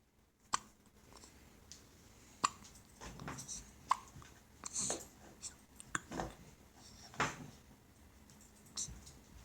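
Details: An infant with hiccups: short, sharp catches repeating every one to two seconds, with soft breathing and small sounds between them.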